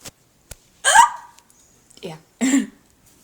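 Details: Recurring hiccup episode after eating Chinese food: several abrupt, sharp hiccups with short vocal catches a few seconds apart in a quiet room; hiccups lasting about five minutes.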